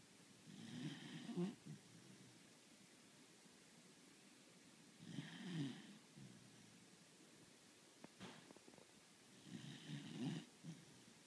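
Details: A sleeping beagle, described as a habitually heavy snorer, gives soft, low rattling snores in a quiet room, about 13 breaths a minute; snoring.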